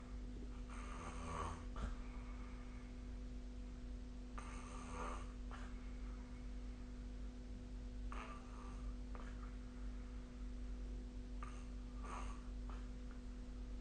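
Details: Sleep recording of snoring captured with a snoring-tracking app: rough, rattling snores recurring about every 3.5 seconds, roughly 17 a minute, over a steady low room hum.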